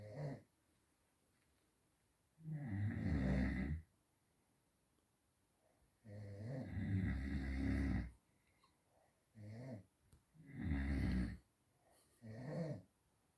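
Loud, rough, low snoring sounds repeating irregularly, roughly every three to four seconds, with quiet pauses between; ordinary snoring.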